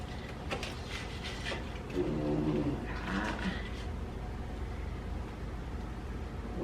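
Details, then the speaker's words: Resting dog lying under the camera making a couple of brief, nasal, tonal snorts over quiet room hum: dog snoring. "you can probably hear my dog snoring cuz she's at the right underneath the camera but real life over here"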